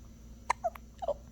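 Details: A few quick, abrupt voiced gulps in close succession over a steady room hum: hiccups.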